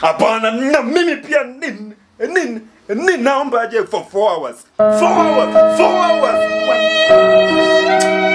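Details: Comedy skit of a man who stammers leading a prayer before a meal, with part-word and word repetitions; stuttering.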